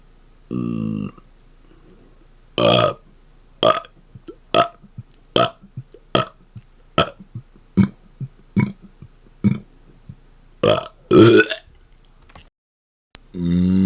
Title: Closed Mouth Burps Mixed With Rapid-Fire Burping #1